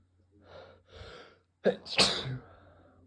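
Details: Induced cold sneeze: two building, gasping inhalations, then a sharp catch and one loud sneeze trailing into an exhaled breath.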